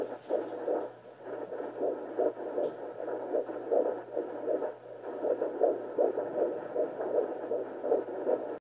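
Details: Fetal heartbeat: fast, regular whooshing pulses at about 158 beats a minute over a steady hum.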